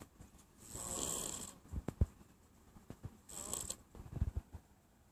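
Two hissing, rasping breaths a few seconds apart, with small clicks and rustles between them. Snoring.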